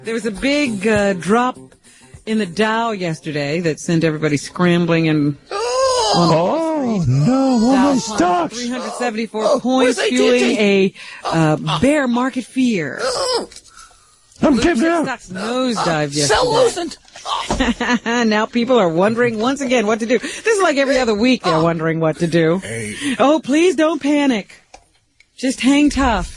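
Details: Adult speaker; fluent speech.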